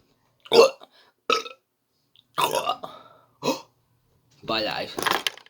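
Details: Person burping after opening a shaken can of soda: several loud, rough, voiced burps in a row with short pauses between them; ordinary belching.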